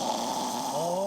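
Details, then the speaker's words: Imitated snoring by an adult: brief, steady rattling snore, described as coming from the throat and mouth, not the nose, from vibration of a narrowed airway. "실제로 코에서 나는 소리가 아니라 사실은 목에서 나는 입 안에서 나는 소리가 맞습니다"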